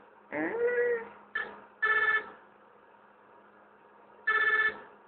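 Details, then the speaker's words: NICU bedside monitor for a premature baby boy born at 32 weeks' gestation, awake and moving: repeated short electronic tones in irregular bursts over a faint steady hum; monitor alarm. "Ayan maingay yung machine mo"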